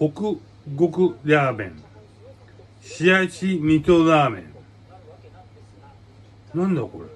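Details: Aphasia in a man, with hemiplegia and paralysis after brain hemorrhage per hashtags; aphasia.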